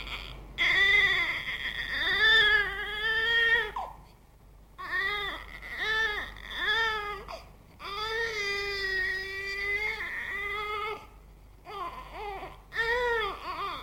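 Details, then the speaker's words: Infant crying from one of three recordings of a baby crying, played in a baby-care quiz asking listeners to identify the reason for each cry. "now listen to these three recordings of a baby crying and see if you can identify the reasons for them according to this list"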